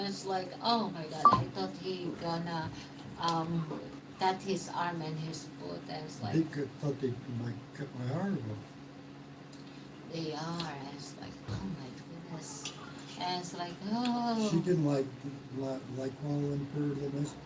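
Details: Man, 115 days into self-therapy for mild aphasia after a mild stroke; hesitations and sentence restarts; mild post-stroke aphasia.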